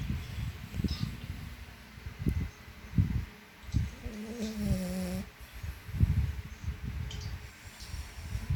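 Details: French Bulldog sleeping and snoring loudly: low, rattling snores with a brief whistling note midway through the breaths.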